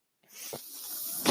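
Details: Real recording: the speaker's own mechanical ventilator heard in the background as he talks; he points out the noise as his ventilator. Mechanical ventilator airflow.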